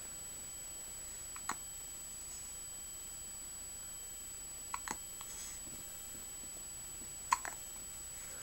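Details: Person with a long bout of hiccups: three brief, sharp gulping catches spaced a few seconds apart in a quiet room.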